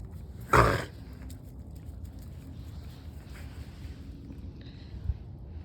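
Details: Animal named Mia coughing outdoors: one harsh, forceful cough burst, then quiet background noise.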